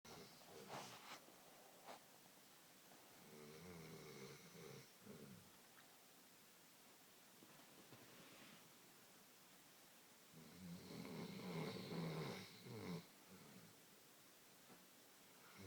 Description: Looking after my mates dog Guinness,was sweet when he was snoring while having a post walkies snooze